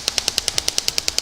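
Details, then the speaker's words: Shock wave therapy device firing over the Achilles tendon: rapid, even sharp clicks about ten per second over a steady hiss. "you really want to increase the power level to the maximum that the athlete can bear at a time and give it extra shots."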